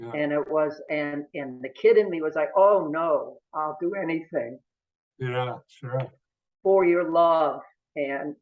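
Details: Older adult male with about 70 years of stuttering since about age 2 or 3, family history in father and brother; stuttering.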